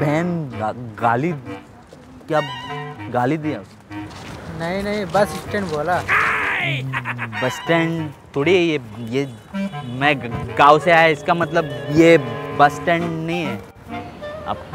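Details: Imitated stuttering with repeated initial syllables, deliberately acted by a prankster in a street prank; not a real disorder.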